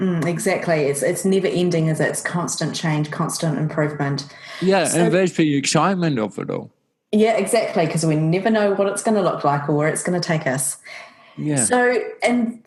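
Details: Adults in conversation; ordinary conversational speech.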